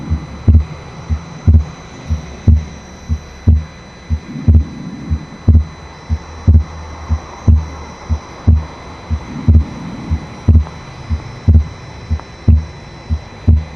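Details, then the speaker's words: Widely split second heart sound on the Harvey simulator at the pulmonary area, regular at about 60 beats a minute, with carotid pulse shown; second sound split permanently, widening with inspiration. "Ahora pasamos al foco pulmonar y van a escuchar, en el foco pulmonar van a escuchar que el segundo ruido está desdoblado permanentemente, pero pueden escuchar que se desdobla más en la inspiración que en la expiración."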